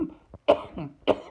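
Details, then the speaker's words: Two sharp, harsh acted coughs from an adult in a coronavirus comedy skit, with a brief rough sound between them; cough. "Somebody out here doing all this goddamn coughing."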